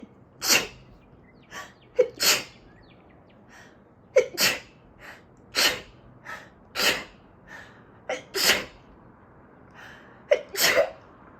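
A rapid run of sharp, explosive sneezes, some preceded by a quick in-breath, about nine bursts: a sneezing fit typical of allergy.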